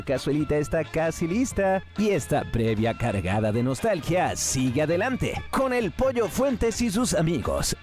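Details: Adult male radio announcer; normal voice.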